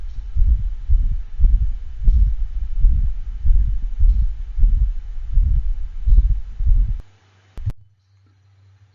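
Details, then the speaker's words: Two-year-old intact male pit bull with exercise-associated syncope: loud harsh crescendo-decrescendo ejection systolic murmur of pulmonic stenosis, loudest at left heart base (pulmonic valve area), radiating widely, heart rate about 95/min. "is the dog with pulmonic stenosis it has an ejection quality systolic murmur a crescendo de crescendo murmur which is usually heard loudest at the left heart at the base over the p location or the pulmonic valve location"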